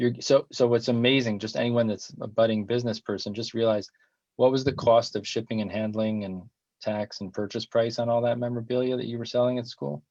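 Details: Adult male speaker; fluent conversational speech.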